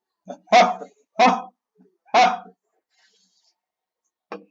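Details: Vocal tics in a gamer with Tourette syndrome, strange noises recurring during gameplay commentary.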